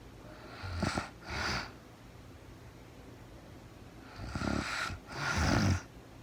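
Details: A woman sleeping in real time, with no talking, gives two breath cycles of coarse, low, rattling snores with quiet gaps between.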